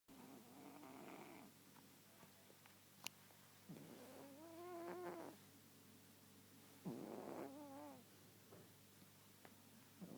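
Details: Snoring in sleep: two slow, rough breaths with a fluttering, purr-like rattle on each one, in a quiet room.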